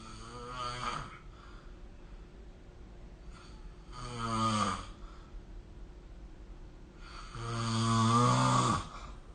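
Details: Snoring recorded with the SnoreLab app: three loud rattling snores on breathing in, a few seconds apart, with quiet pauses; ordinary snoring during sleep.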